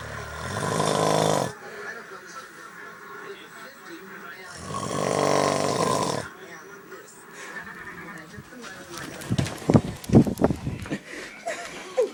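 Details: Snoring in a sleeping adult man (father) after a long day of hunting: two long, loud, rough snores with a quieter stretch between, then irregular snorting and noisy breath sounds.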